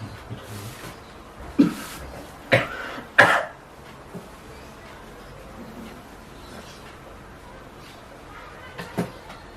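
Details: Several short, deliberate coughs in a quiet room: a nursing-student demonstration of effective coughing with an adult male patient to clear sputum, after breathing in through the nose, holding for three seconds, and breathing out through the mouth.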